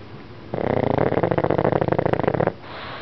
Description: Princess Poo Pug snoring and then waking up.. so kewt!